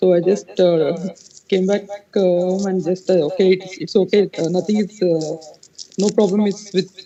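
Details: 33-year-old man, before treatment, with a high-pitched voice persisting since puberty for 15 years; puberphonia.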